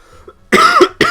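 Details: Adult who says he is very ill, coughing during a live stream: two loud, harsh coughs in quick succession after a brief quiet.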